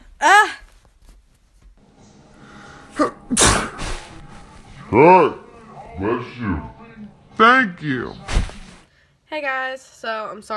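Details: A person sneezing with a lot of mucus: a run of about four loud explosive sneezes, each preceded by a sharp intake, plus sniffing and vocal sounds.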